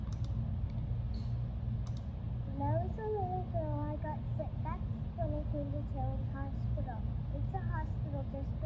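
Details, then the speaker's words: Simulation of how a child with hearing loss hears other children's speech while wearing well-fit hearing aids (aided Speech Intelligibility Index about 91 and 90), made with Verifit; aided hearing loss simulation. "I just wanted to um let you listen to what it might sound like for her to hear other children with her hearing aids on"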